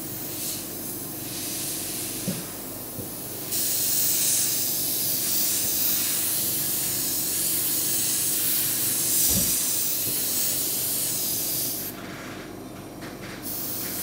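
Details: An oxygen concentrator in operation gives a continuous airy hiss of flowing gas over a low mechanical rumble, with occasional soft puffs.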